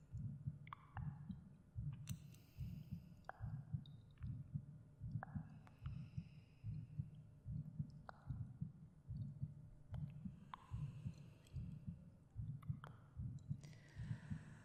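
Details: Speaker's own heartbeat recorded for ASMR meditation: steady low thumps at about 74 beats a minute, with faint clicks and soft room sounds; normal heartbeat.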